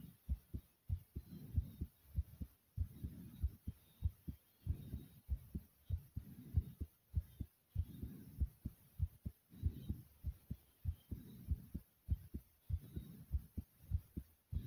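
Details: Uploader's heartbeat after over 50 jumping jacks: fast, forceful beats at about 100 a minute with rapid, heavy breathing rising and falling over it.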